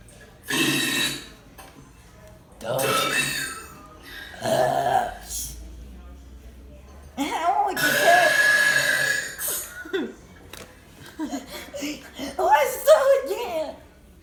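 Several long, rough belches shaped into spoken letters, with music in the background; deliberate burp-talking.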